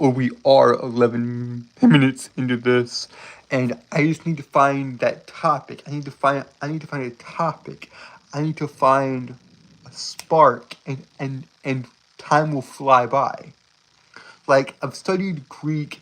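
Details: Male streamer with a self-reported speech impediment and stuttering: stuttering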